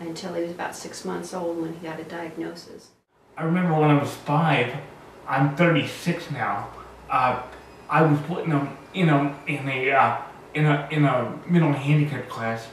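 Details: 36-year-old man with cerebral palsy, born two months premature, self-described as very high functioning; dysarthria in cerebral palsy.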